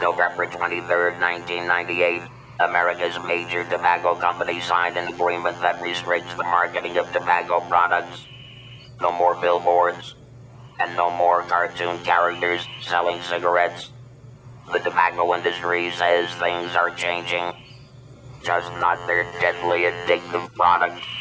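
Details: Narration in a 2001 anti-smoking ad, apparently spoken with an electrolarynx; electrolarynx speech.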